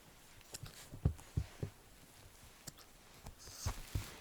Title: Little puppy hiccups